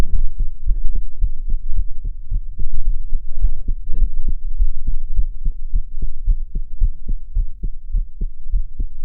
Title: My heart sound I'm crying